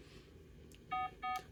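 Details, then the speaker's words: Pulse oximeter threshold alarm in a patient with 22q11.2 deletion syndrome during a night episode of seizures, dystonia, bradycardia and dyspnoea: repeated electronic alarm tones as SpO2 drops to 88–87%; low oxygen saturation alarm. "And we just hit threshold alert again. Obviously triggered off 88% dropping with the oxygen."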